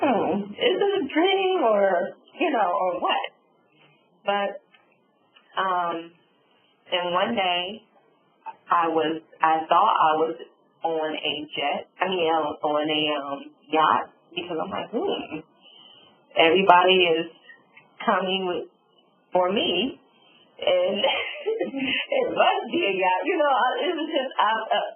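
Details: Adult woman, real stroke survivor, with aphasia and apraxia after a subarachnoid hemorrhage and stroke that left her semi-paralyzed on the right side; she reports word-finding difficulty; aphasia with apraxia of speech.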